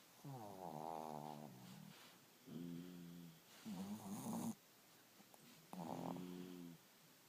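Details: Two sleeping dogs snoring super loud, keeping the owner awake; tonal, rumbling snores, about four in a row with pauses between them.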